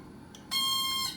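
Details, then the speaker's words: ProNox nitrous oxide delivery unit low-pressure alarm, driven by the oxygen supply, a steady high shrill electronic tone starting suddenly and continuing after the unit is switched off, in a hospital in-service demonstration. "That shows you that there's an alarm going. I can turn it to the off position. It doesn't stop the alarm."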